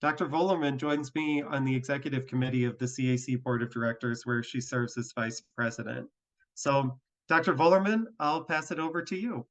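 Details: Adult male speaker; normal voice.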